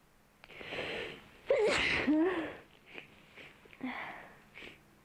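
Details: Dog sneezing while its nose is cleaned and wiped: two forceful sneezes followed by snorting and sniffing, ordinary sneezing to clear the nose.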